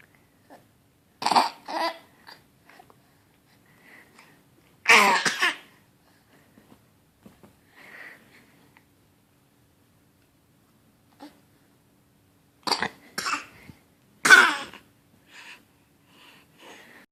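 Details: Harsh hacking coughs in three short bouts from a dog after eating a tag, a swallowed small foreign object.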